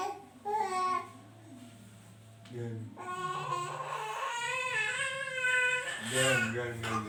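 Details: Baby crying hard enough to cough, which is noted as usual and not worrying for parents: repeated wailing bursts with short breaths between, alongside an adult voice; ordinary crying.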